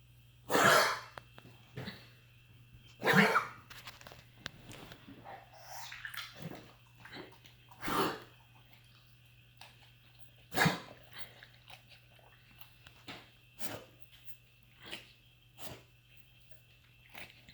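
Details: A dog coughing at 4 am, second round, in harsh separate bursts, four loud and several softer, in a quiet room.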